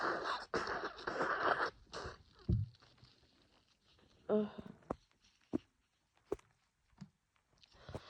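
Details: Female with a cold plus allergies, congested and sneezing on and off all day: several forceful sneezes in quick succession, then sniffing and wet nasal sounds; repeated sneezing.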